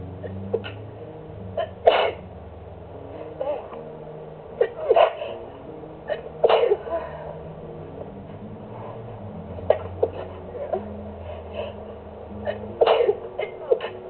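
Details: Sneezing fit recorded on a phone while relaxing to music: repeated short, sharp sneeze bursts in quick succession over steady background music; sneezing.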